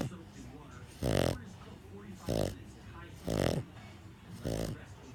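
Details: Pug snoring after a hard day at doggy day care: rhythmic rattling snorts on each breath, about four in five seconds, from a flat-faced small dog, snoring from a narrowed upper airway.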